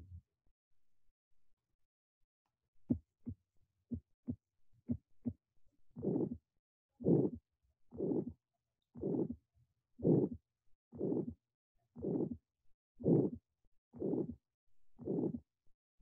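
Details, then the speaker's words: Aortic stenosis, given as an example of severe AS: regular heartbeat near 60 a minute with a harsh crescendo-decrescendo mid-systolic ejection murmur ending before S2, at the third right intercostal space. "On auscultation, murmur is mid-systolic, ends before S2. It is an ejection sound at third right intercostal space."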